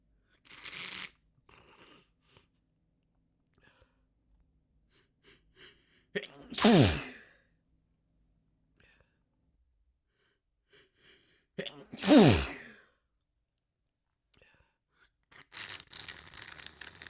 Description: It felt so so good to let these out in full force~ Mucus was dripping down my face by the second sneeze.